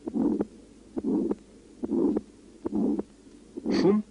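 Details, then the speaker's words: Aortic stenosis on heart auscultation at about 70 a minute: weakened first and second sounds, with a harsh systolic murmur over the aorta that radiates to the vessels. "аортальном стенозе наблюдается ослабление 1 и 2 тонн и грубый систолический шум на аорте проводящийся на сосуды"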